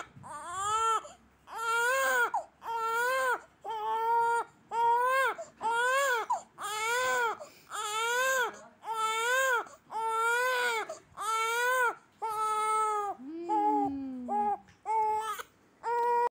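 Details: One-month-old infant: rhythmic, clear-toned wails in repeated bursts of about a second each, with brief pauses for breath; ordinary infant crying.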